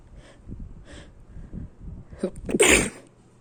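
A few soft breaths, then a quick inhaled build-up and one loud, sharp sneeze burst; an ordinary single sneeze.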